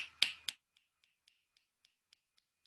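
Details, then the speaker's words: Imitated fetal heart rhythm as heard with a Pinard stethoscope on a pregnant abdomen: two loud snaps, then soft rapid even taps mimicking the galloping fetal rhythm (110–160 bpm), distinct from the maternal pulse. "Ese es el ritmo que ustedes van a escuchar. No es fácil contarlo, pero sí sabemos que no es el ritmo de la madre, este es el ritmo de la madre, no es el ritmo de la madre, es otro ritmo diferente."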